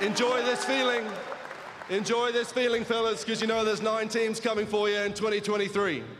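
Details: Adult male speaker over public address; Normal speech.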